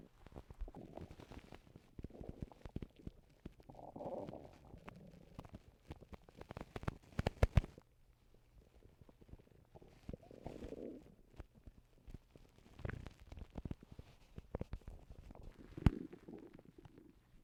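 Gurgling, bubbling stomach rumbles with scattered clicks and pops, recorded close up in a quiet room.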